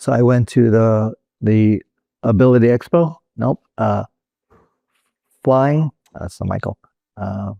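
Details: Real adult male stroke survivor with Broca's aphasia, which resulted from a stroke in 2007; Broca's aphasia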